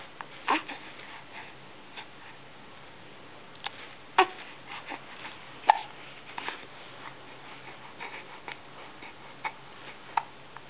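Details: Two-month-old baby hiccuping: soft, brief catching sounds repeating irregularly, about 40 a minute, over quiet room noise; infant hiccups.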